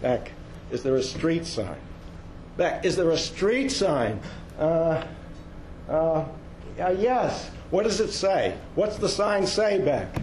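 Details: Woman with dementia diagnosed at age 53, type undetermined (Lewy body, frontotemporal or Alzheimer's), recorded soon after moving into assisted living while still able to walk; fragmented, repetitive speech in dementia.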